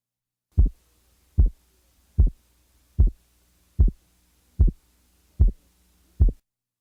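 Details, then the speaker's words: Simulated heart sounds, regular at about 75 per minute, with the second heart sound split by 50 milliseconds. "now listen to a second sound splitting interval of 50 milliseconds"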